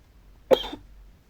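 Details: Single short, forceful cough from an adult male, who apologizes for coughing and says he can't hold it in, over quiet room noise while narrating a game.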